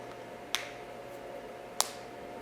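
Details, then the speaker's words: A person with Ehlers-Danlos syndrome deliberately cracks the tops of the fingers, relaxing the joint and applying light pressure: two sharp, brief pops over quiet room hum. "I can crack the top of my fingers like you can see, like that. Just relax the joint you're trying to crack and put a little pressure, but never force it, never force it."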